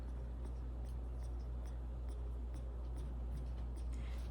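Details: Seven-year-old ferret hospitalised for congestive heart failure, with many other health issues: rapid laboured breathing (tachypnoea) in congestive heart failure.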